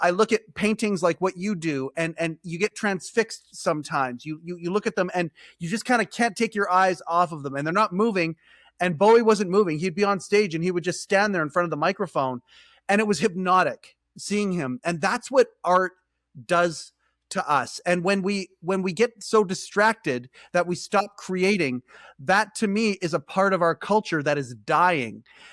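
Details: Adult speaker, podcast-style monologue; normal conversational speech.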